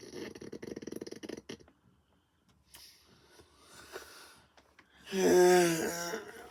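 Rapid rhythmic snoring at first, then a pause and a loud, sudden snorting burst with a honking, nasal quality; noisy upper-airway breathing.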